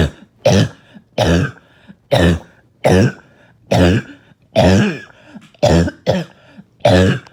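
An adult gives a run of about nine harsh, barking coughs, each a short loud burst with some rattle.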